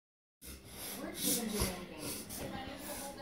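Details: Irish Wolfhound puppy reverse sneezing: rapid, repeated, noisy snorting breaths.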